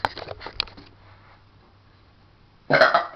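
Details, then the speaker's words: Child burping: a loud, drawn-out belch with a rough, gurgling quality near the end, after a brief pause; an ordinary burp. "all right today we probably going to hear the loudest BP you will ever hear in your life so comment if you like it here we go"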